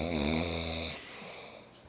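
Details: Person recorded asleep on a flip phone by friends to show their doctor: a single loud, rattling snore on inhalation trailing into a breathy exhale; snoring.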